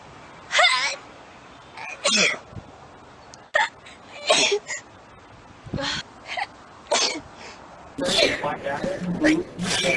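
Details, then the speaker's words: A person sneezing repeatedly: a series of sharp, explosive sneezes in quick succession, with some background noise. "her sneezes. She's got one on YouTube. It's like over 50 sneezes in a row. She's just going to town."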